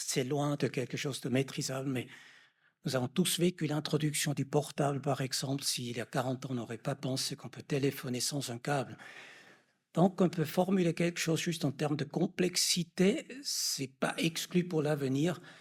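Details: Adult man speaking French; normal speech.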